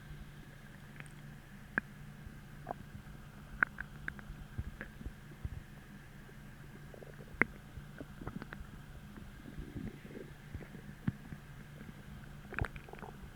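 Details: Stomach growling (borborygmi) with a low steady hum and scattered faint gurgles and squelches. It started about twenty minutes after a sudden hollow, achy, empty feeling, despite bloating from a large dinner the night before; described as intense hunger.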